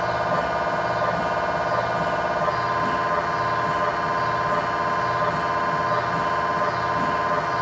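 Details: MRI scanner noise recorded inside the scan room of a GE Healthcare 1.5T or 3T system during an imaging sequence: loud, steady, rapid electronic buzzing and knocking that changes pitch partway through.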